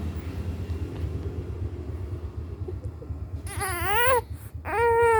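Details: A baby crying after being teased, with a short rising wail and the start of another cry over a low engine-like rumble; said to have cried until coughing, but no clear cough is heard.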